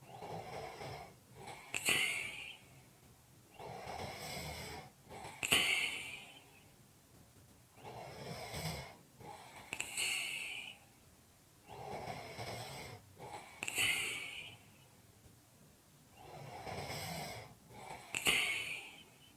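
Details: Heavy, noisy sleep breathing with rough, snore-like breaths at about 14 breaths a minute; snoring.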